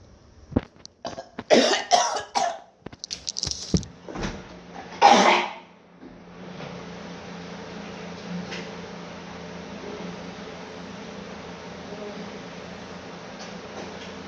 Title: How bad my coughing was during covid 😢